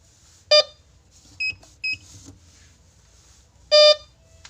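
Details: A syringe pump is switched on in a quiet room, giving two loud tonal beeps with softer short chirps between them.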